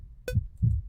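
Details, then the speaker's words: A played-back recorded heartbeat used as a tempo example, with a metronome click at about 60 beats per minute: a deep two-part lub-dub thump just after each sharp click. "And let's just use the example of your heartbeat. I'm going to play back a heartbeat right here."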